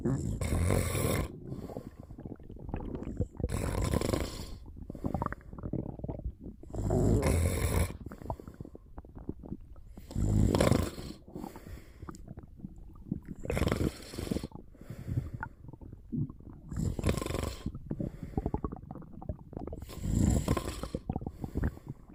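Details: Person napping, snoring: loud, rough snores about every three to four seconds, roughly 17 a minute, with quieter breathing noise between; stomach sounds also present during the nap.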